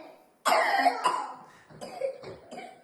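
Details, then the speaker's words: Child's cough from mild viral tracheobronchitis, an infection of the trachea and the bronchi below it; a noisy cough. "o kadar çok var ki bu böyle hafif bir Tire Köyü bronşit dediğimiz nefes borusu ve aşağıdaki bronşların enfeksiyonu viral Bir öksürük"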